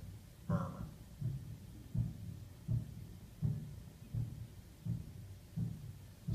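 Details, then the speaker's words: Live teaching demonstration: regular heartbeat near 83 a minute with a soft vibratory systolic murmur between S1 and S2; second sound splits wider with inspiration; physiologic, benign innocent vibratory systolic murmur. "overhead you're hearing a love and a dub does anybody hear anything in between it's a little vibratory systolic"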